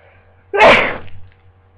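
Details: Person with a worsening cold, just woken in bed: a single sudden, explosive sneeze over a quiet hum; sneeze.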